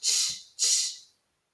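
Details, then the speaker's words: A dog's double sneeze, heard by chance during a recorded kindergarten writing lesson: two quick, hissy bursts of air forced through the nose, with a faint snort at the end of the first. Finding: sneeze. "i'm not quite sure what makes that sound but oh my dog just sneezed did you hear that"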